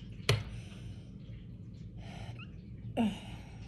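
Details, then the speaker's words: Adult woman with hiccups brought on by drinking carbonated strawberry-flavored sparkling water: one sharp, sudden hiccup, then a softer second hiccup with a small squeak, over low room hum; she notes each hiccup sounds different. "that was a cute one did you hear the squeak why are they all different"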